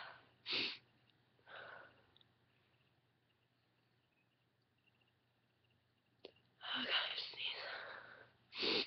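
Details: Adult female, induced sneezing recorded on a webcam: breathy build-up breaths and a couple of sharp, explosive sneezes, becoming very intense sneezing at the end.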